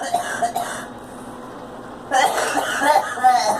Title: Girl coughing